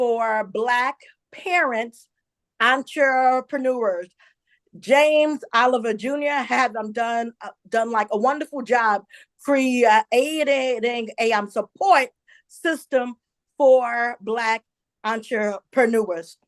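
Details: Stuttering in an adult woman who identifies herself as a stutterer and says listeners will hear her stumble on some words.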